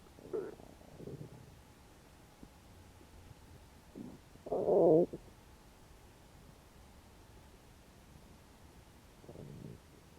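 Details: Hungry stomach growling after about 12 hours without eating: quiet stretches broken by low gurgling rumbles and one louder growl.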